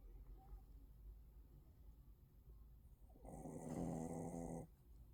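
Quiet room noise, then a single rumbling, buzzing snore from a sleeping dog lasting over a second; dog snoring.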